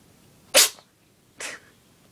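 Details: Pet (small animal) whose owner suspects a cold or an allergy to cats: two quick, sharp, breathy sneezes less than a second apart in a quiet room; sneezing.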